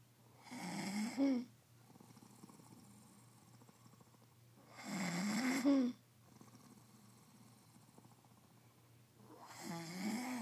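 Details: Snoring from a sleeping man: loud, rough snores on the in-breaths at about 13 breaths a minute, with quiet pauses between and a steady low room hum.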